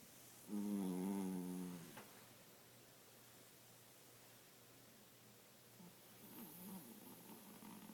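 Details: 12-year-old, 5 lb male Pomeranian asleep gives a clear, humming snore on one breath, then softer, rougher breathing noise; snoring like an old man.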